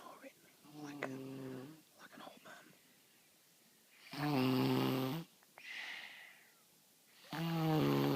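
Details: Four-year-old snoring: loud rattling snores about every three seconds with softer breaths between.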